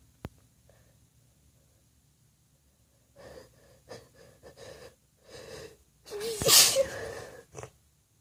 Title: Desperate Wet Sneezes